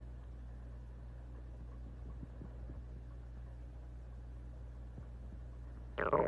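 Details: Stomach growling from a female: low, steady rumbling with faint gurgles, ending in a louder squeak; ordinary borborygmi.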